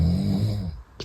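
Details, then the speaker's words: A roommate snoring loudly during sleep: a single loud, deep rattling snore on the in-breath, fading off at the end; heavy snoring, said to be far louder in reality. "これ僕のいびきじゃないですよなんかま明日でチェックアウトするルームメイトの方なんですけど"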